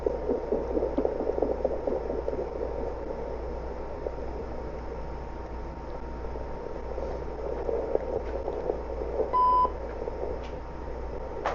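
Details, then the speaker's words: Fetal puppy heartbeats on Doppler over the abdomen of a pregnant German Shepherd dog preparing for labor, rapid at about 204 and 202 per minute, possibly more than one puppy; rated nice healthy heartbeats. "You hear how fast that heartbeat is? Yeah? Oh, it moved. Where'd you go? There it is. Or that could be another one. 204, 202. Nice healthy heartbeats."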